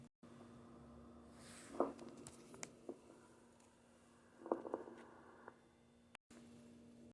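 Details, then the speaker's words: Grating, creaking bursts in both inspiration and expiration that do not clear with coughing: pleural friction rub, causes given as pleuritis, pneumonia or pulmonary embolism. "se oculta como un sonido similar al ronco pero este no va a desaparecer cuando el paciente tose y sin en cambio este se va a ocultar tanto en la inspiración como en la inspiración las causas de este pueden llegar a ser la pleuritis la neumonía o el embolismo pulmonar"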